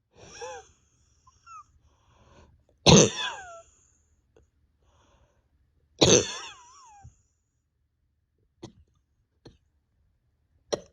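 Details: Painful deep-chest cough in an exhausted person sleepless over 32 hours whose bronchodilator is not helping: two harsh single coughs, each ending in a high whistling catch, then faint clicks and breaths.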